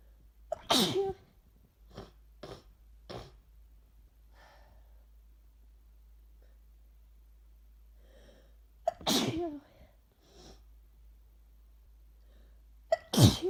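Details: Sick person with a cold, who has been inducing sneezes this week, giving three sharp, explosive sneezes with short sniffs and breaths between them in a quiet room; sneezing.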